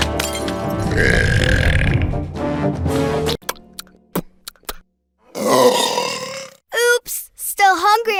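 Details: Animated female cartoon characters burping in a compilation: a long, loud belch followed by short voiced ones, with music and speech around them; acted burping sound effects, not a real person.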